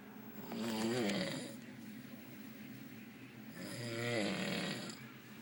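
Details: Adult man asleep on a cruise ship at about 6 p.m., snoring heavily: loud, rattling snores on two slow in-breaths, each with a fluttering buzz.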